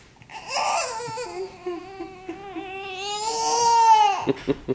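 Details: Baby who had hiccups, possibly hungry; a sustained, rising wail lasting several seconds, then a few short sobbing catches at the end; infant cry.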